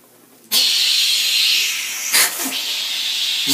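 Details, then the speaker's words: A patient tries a newly added dental high-volume suction (HVE) line with an expectorator that replaces the cuspidor: steady loud hissing suction starts abruptly, with gurgling slurps as water is drawn from the mouth. "it clears everything out yeah it's much more efficient yeah I never did like that soda STW thing it felt like I could like maybe suck too hard on it or something"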